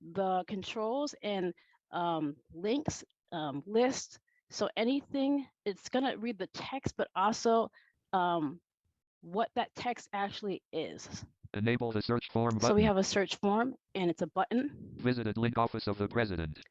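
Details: Adult woman who says she stutters and that it is heard throughout her talk; stuttering.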